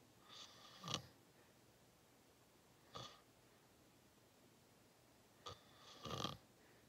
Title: Watch me sleep #53: Long Nap! 😪😴Loud Thicc Snoring 💤 Lucid REM Sleeping ASMR Very Deep Big Snores